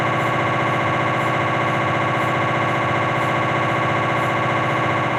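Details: Loud, continuous, rapid buzzing with a steady electronic pulse pattern from a Philips 1.5T MRI scanner during a cervical spine exam; T1-weighted sequence, coronal or sagittal.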